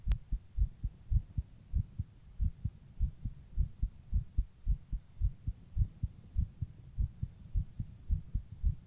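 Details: Heartbeat recorded while rebreathing into a plastic bag: steady low thumps at a brisk rate, roughly 100–110 beats a minute.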